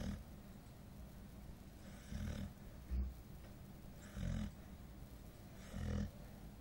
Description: Nishka - My 9 Month Old Golden Snoring , lol man she must have been so tired